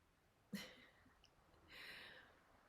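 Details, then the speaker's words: Pet "Bestie" snoring while asleep in a quiet room; a single sharp snorting inhale, then after a pause a soft breathy exhale. "It's not me, I swear it's Bestie snoring."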